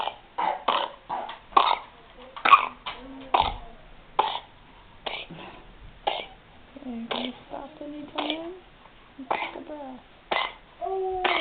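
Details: Pertussis coughing fit in a two-month-old unvaccinated infant: a run of short, harsh coughs with strained, squeaky vocal sounds between them.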